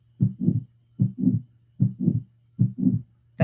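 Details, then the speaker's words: Aortic stenosis murmur from a stiff aortic semilunar valve: regular heartbeat near 76 per minute, with a harsh whooshing sound filling the space after each first heart sound. "okay now aortic stenosis that's when the aortic semilunar valve becomes stiff hear the whoosh"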